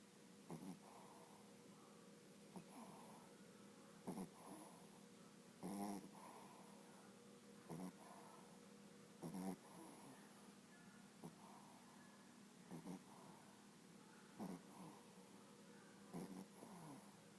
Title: Mango sleeping and snoring